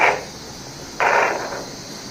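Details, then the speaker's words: Radiocephalic AV fistula for dialysis, radial artery to cephalic vein, made three weeks earlier, heard at follow-up over the cephalic vein: pulsing whooshing rushes about once a second over hissing background; fully functioning AV fistula bruit. "আপনারা কি শব্দটা শুনতে পাচ্ছেন? [সশব্দ হাসি] অর্থাৎ উনার cephalic ব্রেনের উপরে রেডিয়াল আর্টেরি কথাটা চলে এসেছে। তাই আমরা এখন বলতে পারি এই পিসলোটা এখন শতভাগ ফাংশনিং এবং শতভাগ এটা দিয়ে ডায়ালেক্সটা আমরা প্রশস্ত করতে পারব।"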